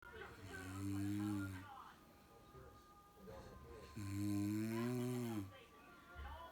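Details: Mother snoring beside a baby: two long, loud, droning snores about four seconds apart, with quieter breathing and a faint whistle between them; snoring.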